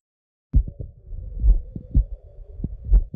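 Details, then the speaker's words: Slow, deep lub-dub beats at about 40 a minute from a normal horse, heard with a cardiac stethoscope pushed forward under the muscle over the mitral, aortic and pulmonary valve areas; normal equine heart sounds. "okay so now that you've heard the love dubs of a normal horse"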